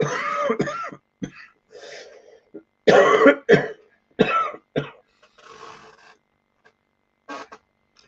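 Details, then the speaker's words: Cough in an adult with a cold. "as you can hear I do got a cough and a little cold and stuff like that"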